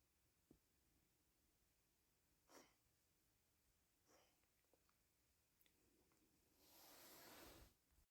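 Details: Cat cough the owner finds abnormal though the vet said not to worry: faint, short snorting bursts, then a longer forceful hissing expulsion, in a quiet room.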